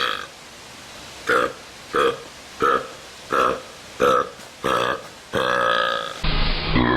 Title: BURPS 16